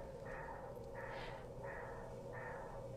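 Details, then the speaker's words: A snake's heartbeat on a surgical monitor while a wildlife vet stitches wounds from barbed wire: regular pulsing whooshes at about 85 beats a minute. "we monitored all of their vital signs like their heartbeat while they're getting surgery just like you would do for a person it is amazing"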